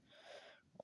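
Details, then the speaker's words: Pet Sadie, sleepy, possibly hair up her nose: breathy hissing nasal rush of air ending in a brief sharp snort, a sneeze. "who got the sneezies sorry I'm sorry baby I hate when I get to sneezies"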